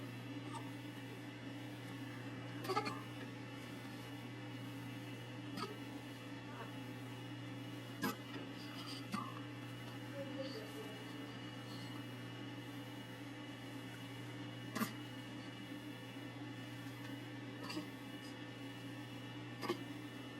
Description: has the hiccups